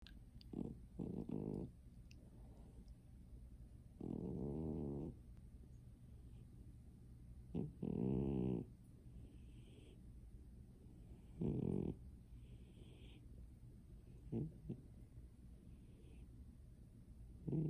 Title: Yoga Kitty snoring continues